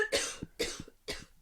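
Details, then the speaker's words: Adult during podcast recording: three short coughs in quick succession, each a sharp burst with brief tail; cough. "I don't like the sound of that. That's my cough for the day."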